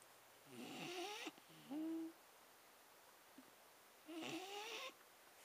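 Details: Sleeping Staffordshire Bull Terrier snoring: two drawn-out squeaky, whistling breath noises with a short nasal sound between them.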